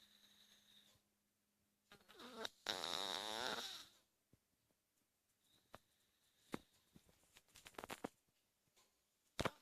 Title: Snoring cats